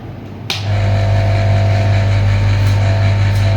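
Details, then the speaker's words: Suction machine being tested before suctioning in a practical demonstration, size 14 catheter for an adult: click as the switch turns on, then steady loud low motor hum. "Tadi kan sudah diuji ya. atau kita uji-uji dulu apakah dia bisa nyedot atau tidak."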